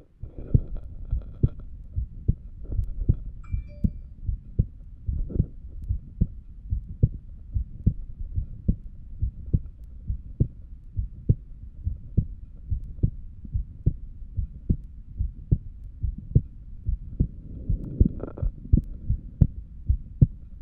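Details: Steady, regular heartbeat thumps through a stethoscope, recorded while lying down, with no added whooshing sounds and a faint low hum.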